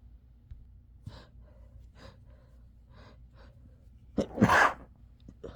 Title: Sneezing and blowing my nose